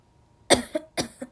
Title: have a dry cough